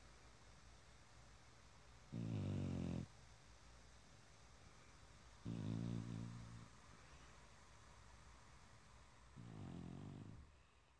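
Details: Low, rumbling rattly snores about every three to four seconds against a steady background hum, from a sleeping French Bulldog.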